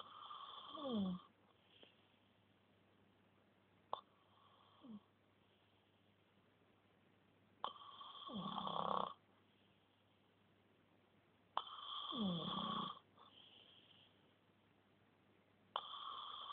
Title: snoring 1